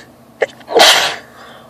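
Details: Woman sneezing during an allergy flare, with itchy, watery eyes: a short in-breath catch, then one loud, explosive burst of air; a single sneeze within a bout.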